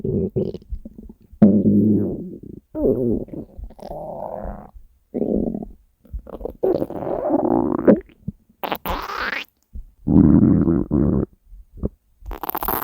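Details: Hunger stomach growling (borborygmi) from a compilation of recordings gathered over three years: loud, long gurgling and rumbling growls with squeaky rising tones; a normal bowel sound.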